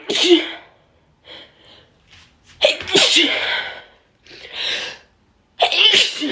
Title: Some more sneezes🤧